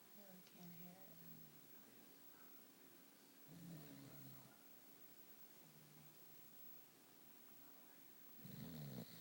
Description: My shelty mix is sleeping in her bed upside down and snoring up a storm.